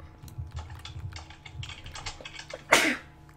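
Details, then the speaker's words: Adult sneeze during a Roblox gaming session: quiet keyboard tapping, then one sudden loud, breathy burst that quickly fades, a single sneeze. "sneezed you guys didn't have to hear that"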